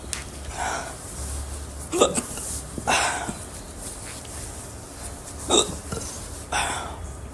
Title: Hiccups audio